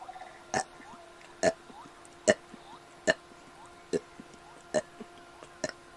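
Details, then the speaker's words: Person deliberately producing seven burps on request during a stream: seven short belches in quick succession, about one a second, over a faint steady hum; burping. "is it all right if i not talk for like okay seven burps coming right up chad"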